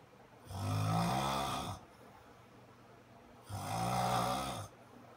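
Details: An adult man asleep in the bedroom, recorded at night by his wife, gives two loud, rough, rattling inspiratory snores about three seconds apart over quiet room noise: loud snoring.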